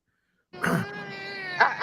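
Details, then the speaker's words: A single sustained, high wailing cry from an infant, heard after a brief silence during an interview. "I I I know you can hear my baby crying. You're going to have to repeat that question for me."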